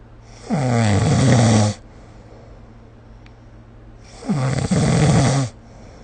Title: 🐽 Snoring Sleep Sound / いびきの音